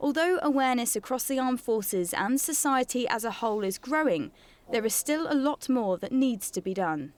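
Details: Adult woman speaking; fluent speech.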